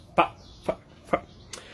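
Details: Adult man with Tourette syndrome: four abrupt, brief wordless vocal noises in quick succession, simple vocal tics.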